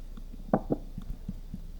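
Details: Soft paired low thumps of a patient's heartbeat over steady ventilator machine noise, a music therapy heartbeat recording.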